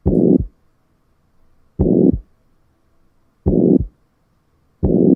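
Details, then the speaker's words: Teaching audio of a ventricular septal defect: slow heartbeats, each followed by a harsh, rough holosystolic murmur running uninterrupted from S1 to S2. "when it comes to picking up what this sounds like it's going to be holostystolic and harsh so this is what a ventricular septal defect sounds like"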